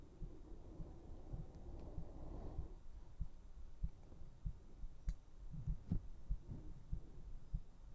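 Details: Soft, muffled low thumps, roughly 95–100 a minute, over a low rumble; a heartbeat.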